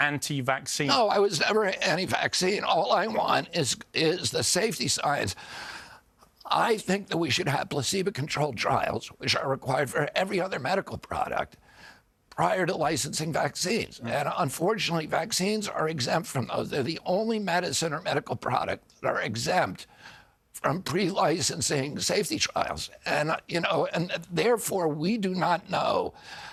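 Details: Adult man with spasmodic dysphonia (which he calls spasmodic dystonia), a neurological disorder that began after a 1996 injury at age 42 and makes his vocal cords tighten constantly; surgery in Kyoto about eight months earlier made his voice more reliable.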